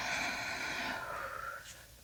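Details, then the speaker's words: Normal clear breath sounds on lung auscultation of a woman's back during deep breathing, a steady airy hiss fading smoothly without wheeze, crackles or other abnormal sounds; roleplay head-to-toe exam. "Okay, you can breathe normally now. Not hearing any swooshing sounds or abnormal sounds coming from your lungs."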